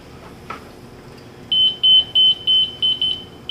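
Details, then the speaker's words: Zoll M Series monitor powering on after an end-tidal CO2 (capnography) sensor is connected, in a product in-service demonstration: a faint click, then a series of short high-pitched start-up beeps. "We're going to find the connector on the back of the M series and we're going to connect the sensor like this and turn on the monitor."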